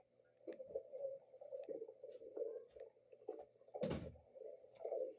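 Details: Soft, irregular gurgling and rumbling from a pet's belly, with one dull thump; ordinary stomach growling (borborygmi).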